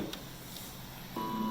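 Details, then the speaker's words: Bridge ventilator, version 12 (for COVID patients), just after the power switch is turned on: brief soft motor hum as the drive plate rises to hit the limit switch, the start position for every tidal volume, then a steady electronic tone. "and when you turn it, it comes up all the way to hit the switch. Once it hits the switch, it knows that's where it's supposed to be, and every tidal volume has to start from that specific spot."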